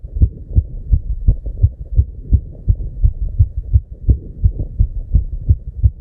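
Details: Heartbeat at 290 BPM, a real heart sound: fast, regular, low thumps well above the normal resting rate; rapid heartbeat, tachycardia.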